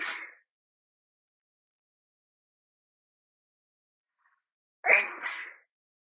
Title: loud after shower sneeze (F)